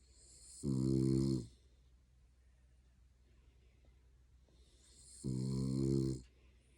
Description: Our dog Missy falls asleep on your lap in weird positions then starts snoring.